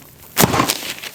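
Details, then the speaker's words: Temporomandibular joint click in a female patient during a chiropractic jaw adjustment with the mouth opened about three-quarters: a single sharp, loud click, then brief rustling, over a noisy table. "She is that big old click in there. It's hard because the table's so loud, so you don't really No, I could I could hear it."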